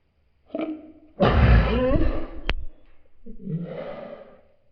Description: So I was baking, and something tickled my nose. It made me sneeze all over the flour